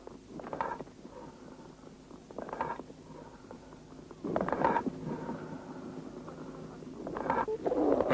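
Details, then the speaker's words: Lung auscultation teaching example: hollow, ringing, jug-like amphoric breath sounds, described as heard over a lung cavity or abscess. "при воспалительном уплотнение доли легкого выслушивается бронхиальное дыхание а при наличии каверны или абсцесса амфорическое дыхание"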